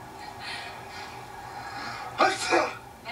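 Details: Two sharp, explosive sneezes in quick succession after quiet breathing, an adult male sneezing fit acted in a film scene; sneezing.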